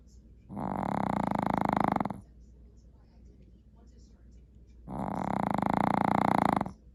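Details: Snoring during sleep: two long, loud, fluttering snores on the in-breath, separated by quiet out-breaths, about 17 breaths a minute.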